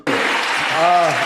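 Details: Involuntary tic shouted from the audience at an awards ceremony by a Tourette's campaigner, described as beyond his control; Tourette syndrome vocal tic.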